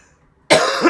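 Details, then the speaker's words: Adult with a long-standing dry cough and dry throat giving a single short, harsh cough burst after a moment of quiet. "I've always had a dry cough so like I said life goes on"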